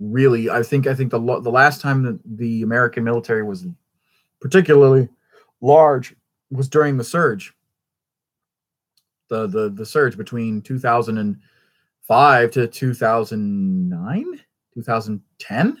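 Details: Stuttering in an adult male who attributes his constant stutter to a traumatic brain injury from a rollover car accident in England.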